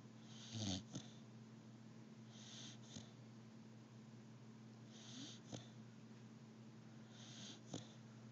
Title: Sadie the pitbull snoring